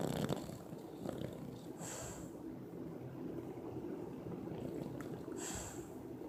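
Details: A sleeping Bulldog makes continuous low rumbling, rattly breathing with a couple of sharper snorts; loud snoring.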